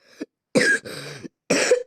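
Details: Cough from someone who has just fallen ill: a short run of harsh, throaty coughs with a rough, clearing quality.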